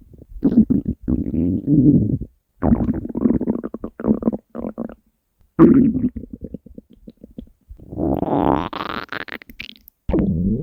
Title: Three Years of Hungry Stomach Growls!